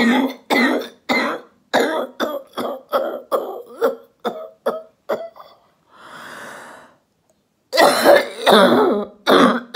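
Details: Adult female orthopedic surgeon recovering at home from COVID-19 doing a phlegm-clearing exercise: a run of about a dozen short forceful coughs, a slow breath in, then several more coughs, a productive cough for airway clearance.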